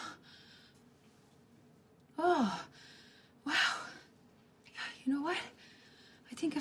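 Several loud voiced gasping, sighing breaths in a row, acted in a film scene: gasping.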